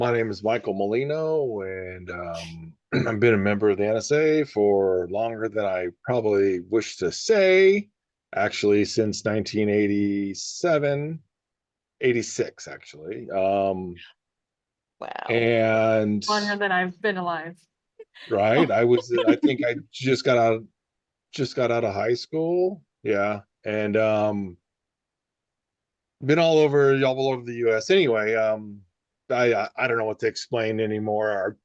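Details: Adult man who stutters, with word repetitions heard: stuttering.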